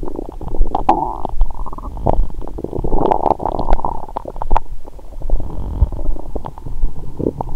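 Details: Abdominal sounds of a woman, bloated before her period, drunk on wine after a 22-hour fast and a large Christmas dinner: frequent low gurgling, bubbling rumbles and soft pops; active normal bowel sounds.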